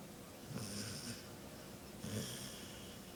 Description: Sam the dog in an...awkward position....snoring...weird dog.